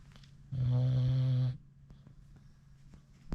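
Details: A British Bulldog, tired after a Sherp ride, snores with eyes open: one loud, deep, droning snore of about a second against quiet room noise; dog snoring.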